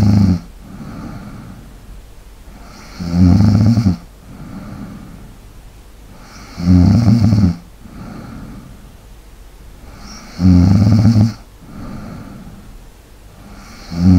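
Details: ASMR snoring and light breathing recording for relaxation: loud, low rattling snores on each in-breath, about 4 a minute, with quieter breathing between, snoring during sleep.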